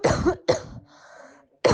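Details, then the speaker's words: Cough from a COVID-19 positive person who is asymptomatic: two short dry cough bursts, then a faint breath and a third cough onset; such coughs reportedly not distinguishable by ear from healthy coughs. "when the ai model is fed the cough of a coveted asymptomatic person"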